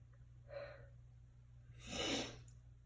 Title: Sneezing in bathroom